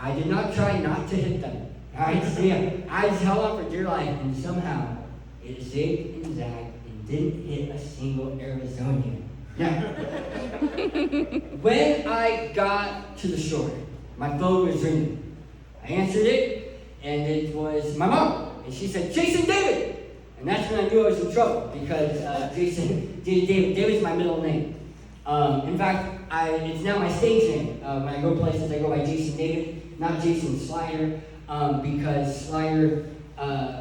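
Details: Adult male who lost 80% of his tongue to cancer, now with a permanent speech impediment; articulation disorder after partial glossectomy.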